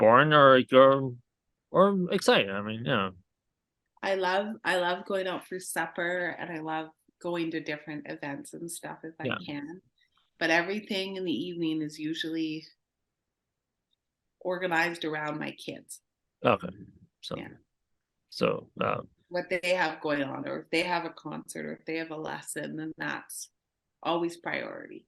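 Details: Adult speaker, conversational interview; ordinary conversational speech.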